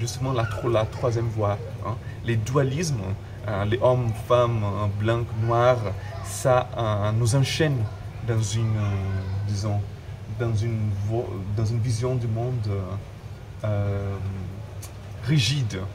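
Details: Adult man who stutters, speaking French; word and phrase repetitions; stuttering.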